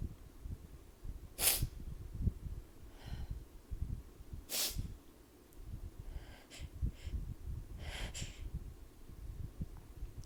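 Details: Sneezing after a cold shower, cold air and a sudden temperature drop, with allergies also present: two sharp sneezes over faint room noise, then softer snorting and sniffing bursts.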